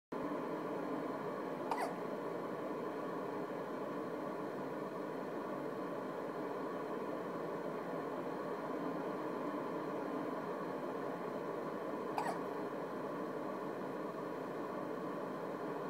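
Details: During sleep, two brief, sharp hiccups about ten seconds apart over a steady background hum; hiccups, which occur often.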